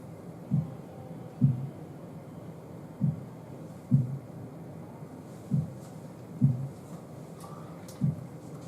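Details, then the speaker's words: Normal first and second heart sounds (lub-dub), soft, low and regular in a quiet room, demonstrated in a lecture; S2 arises indirectly from blood decelerating as the semilunar valves close. "as the simol lunar valves close uh blood decelerates in a way it's not technically the sound doesn't technically come from the valve closing it's indirectly coming from that so that's the two sounds basically"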